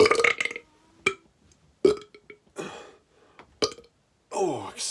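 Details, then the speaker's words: Deliberate burping by a person in an office as a comedy skit: several loud, voiced belches in quick succession with short gaps and brief room noise, then saying they burp all day. "me yeah nevermind it's like i'm not i'm not done burping at all guys i'm doing this all day"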